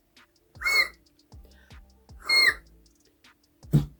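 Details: Woman with Tourette syndrome since childhood; her only real vocal tic, a repeated mouse-like squeaking that began around age 15, is very loud and worsens with stress, demonstrated on camera.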